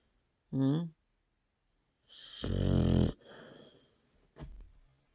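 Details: Snoring during sleep: a short voiced snort, then a longer loud rattling snore on the in-breath, ending with a brief snort.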